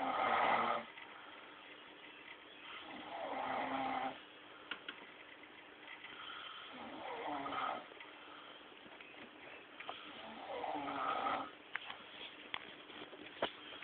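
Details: Man who got drunk, undressed and fell asleep: four rattling snores over about fourteen seconds, roughly 17 breaths a minute, with faint room noise between; snoring.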